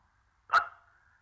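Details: Adult man with severe Tourette syndrome on stage at a film press conference: a single sudden, short yelp-like simple vocal tic out of silence.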